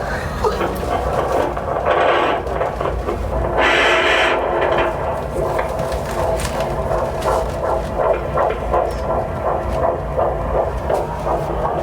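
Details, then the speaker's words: Rapid whooshing fetal heartbeat, about 170 a minute, heard with a handheld Doppler held on the mother's belly at a prenatal appointment; bursts of static are fetal movement; heartbeat judged normal. "So Mom's appointment went really well. Everything's a-okay. Heartbeat sounded great."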